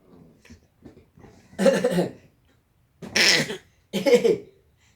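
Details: Six-month-old baby imitating a cough: soft babbling followed by three short cough-like bursts.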